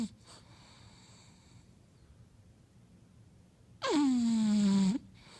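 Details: Bulldog snoring: quiet breathing, then one long, loud, droning snore lasting about a second.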